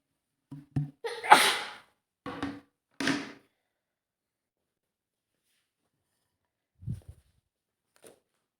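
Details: Acted female dust-allergy sneezing scenario (a maid cleaning a dusty hotel room): catching breaths build up, then three forceful sneezes in quick succession and a faint sniff.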